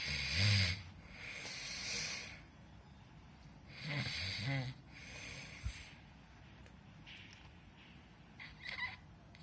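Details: Snoring recorded during sleep, February 2018: irregular snorts and rattling breaths over room noise, some with a short fluttering vibration.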